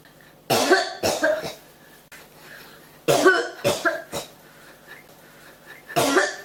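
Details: Cough that won't stop: three bouts of harsh coughing, each two or three quick coughs, separated by quiet pauses; cough.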